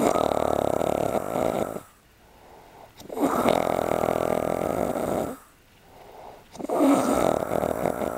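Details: A man snoring at night during a trip, with long, loud rattling snores on each breath and short quiet pauses between, about 17 breaths a minute.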